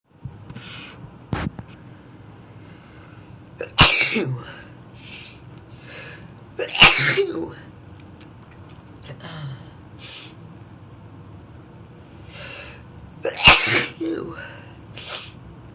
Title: Apology sneezes